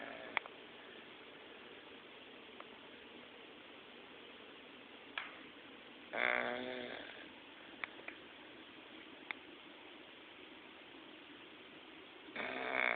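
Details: 8-year-old English Bulldog snoring during an afternoon nap: two short, rough snorting snores against a steady background hiss.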